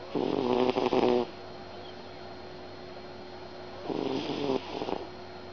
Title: SNORING CAT